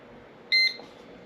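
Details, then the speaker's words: Single short electronic beep from a PAPClean ozone CPAP cleaner as its mode button is pressed to switch to the quick cleaning cycle, in a quiet room. "you'll hear it beep and it'll change to a cycle where it will clean for a 25 minutes a 10-minute air flush and then a 30 minute reverting"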